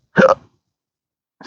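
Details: Persistent, disabling daily hiccups and burps since December 2015 after surgery with nerve damage: a single abrupt, voiced hiccup with a sharp gulping onset, then silence.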